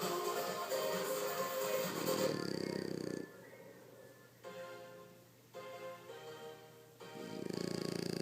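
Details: Sleeping small French Bulldog held in arms, two rough rumbling snores several seconds apart, music in background; snoring.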